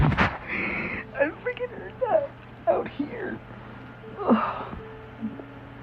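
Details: Girl's stomach growling from hunger: irregular squeaky, gurgling rumbles; ordinary borborygmi.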